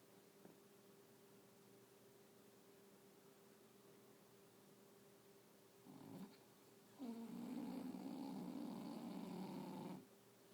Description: English bulldog snoring